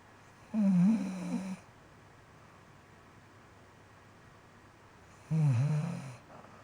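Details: Two loud, low, rattling snores about five seconds apart with quiet breathing between; ordinary snoring.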